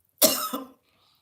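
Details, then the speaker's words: An adult gives one harsh, forceful cough in two quick bursts, part of a coughing fit after eating and talking at the same time: coughing fit. "My grandmother always say, "Don't eat and talk at the same time." See what happened?"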